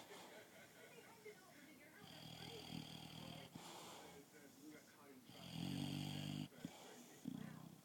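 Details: English Bulldog taking an afternoon nap, possibly dreaming: loud, buzzy, rattling snores with two long drawn-out snores and a few brief snorts between them: snoring.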